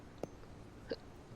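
Two short, sharp involuntary gulping sounds about two-thirds of a second apart over quiet room noise: hiccups.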